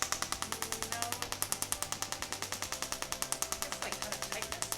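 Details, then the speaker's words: Female patient with tennis elbow (lateral epicondylitis) after failed conservative care: rapid, regular sharp clicks, about 200 a minute, from a radial shockwave device on the forearm, tolerable, with the shock counter tracked. "now we're checking the counter there we want to see how many shocks are going into the tissues how much energy is going"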